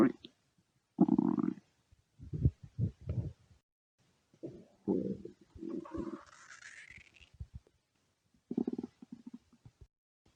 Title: stomach growling (request for @amandaforbuddies )